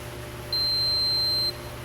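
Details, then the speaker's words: Enterolite Infinity enteral feeding pump: one steady high-pitched beep of about a second over faint room hum when the pump is switched off after feeding ends. "When you're all finished, it'll tell you there's no food. So you'll turn it off."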